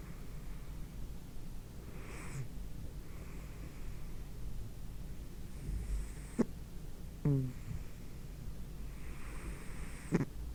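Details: Low, rumbling, human-like snoring from a fat male cat asleep, recorded close to a microphone, with snorting catches at the end of breaths every few seconds.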